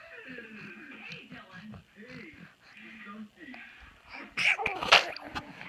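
An infant babbles and coos, then gives a short, sharp sneeze near the end.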